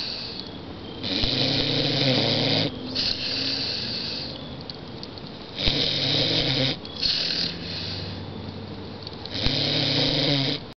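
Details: A pitbull sits in a chair while camping and snores in steady cycles, a loud rattling in-breath followed by a softer hissing out-breath. Snoring.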